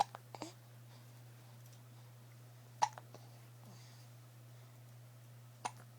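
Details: Hiccups in a young child named in the video: brief, sharp gulping catches recurring every few seconds over steady room hum.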